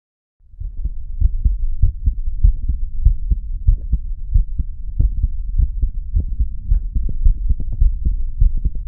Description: Nice relaxed heartbeat today 😀